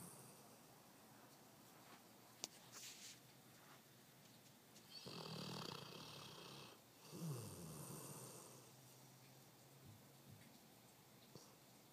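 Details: Sleeping dog snoring: two rough, rattling snoring breaths about a second apart against quiet room noise.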